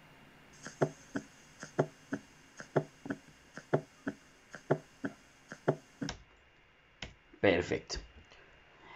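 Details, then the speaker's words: S4 gallop on cardiac auscultation teaching recording: heartbeat about 62/min with a soft extra thump just before each first heart sound. "mientras que el s 4 va a sonar entonces junto justo antes del s 1 tal cual como este piense como suena justo antes fuera justo antes"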